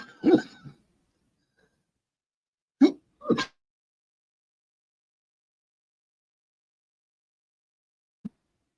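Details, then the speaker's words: Adult coughing into a microphone: three short, sharp coughs in a quiet room, followed by a faint throat sound. "I'm so sorry. I hate coughing in the microphone. I'm so sorry."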